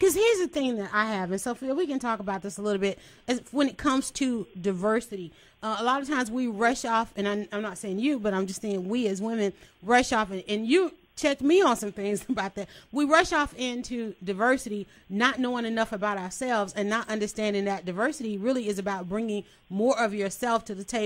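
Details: Adult woman speaking; normal voice.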